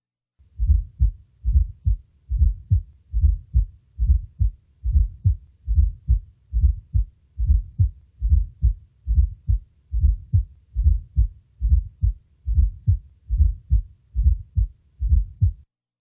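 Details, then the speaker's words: Recorded at the apex of a 60-year-old man: regular low-pitched heartbeat near 72 per minute with a soft extra sound just before S1: fourth heart sound (S4). "listen now to an S4 during the recording the fourth sound will be removed and then add it again now listen to an actual fourth heart sound recorded from the Apex of a 60-year-old male with cardiac"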